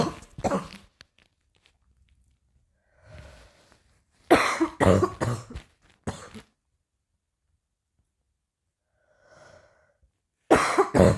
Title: coughing a little